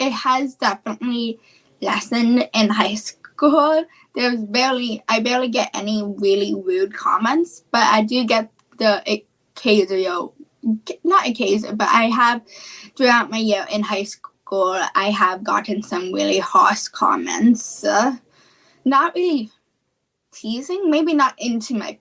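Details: Childhood apraxia of speech, a neurological speech disorder, in a female guest who is starting high school.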